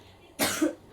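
One abrupt cough from an adult in a quiet indoor room.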